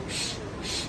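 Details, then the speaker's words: Voice imitation of normal vesicular breath sound during a pediatric respiratory exam: soft continuous hissing, prolonged inspiration, no pause between inspiration and expiration, shorter expiration; normal finding in children. "This is called vesicular breathing, and this is normal."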